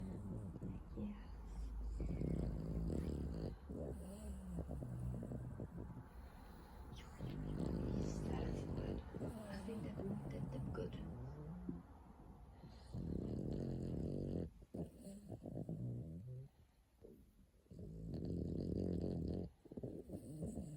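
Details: Boston terrier sleeping and snoring in low, rumbling bursts with brief quiet pauses; recorded 22 July 2020.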